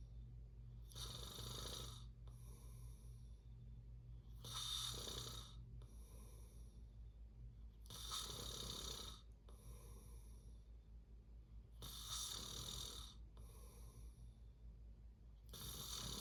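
Loud rattling snores on each breath in, about every 3.5 seconds (roughly 16 breaths a minute), with softer breaths out between them: snoring.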